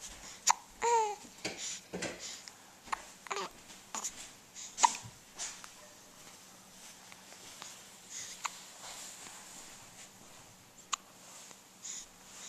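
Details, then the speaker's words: Hiccups in an infant almost one month old: repeated brief, abrupt catches of breath with small voiced squeaks, irregularly spaced in a quiet room. "yeah I have the hiccups they're annoying"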